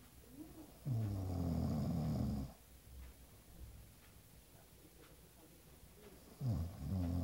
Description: Ronco parte II